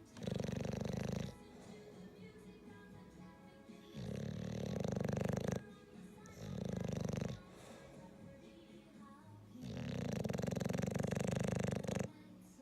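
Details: Loud, harsh, rattling snores about every three seconds with background music, from a sleeping English Bulldog; heavy snoring in a flat-faced dog.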